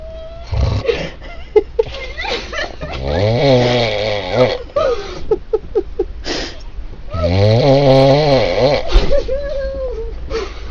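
Loud, rattling snoring with a rough vibrating tone during breathing, repeated in long noisy stretches.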